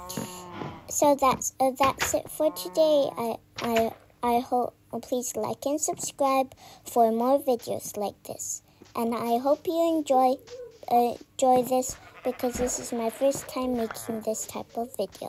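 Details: Self-described stammering in the speaker's own narration, with word and part-phrase repetitions; stuttering.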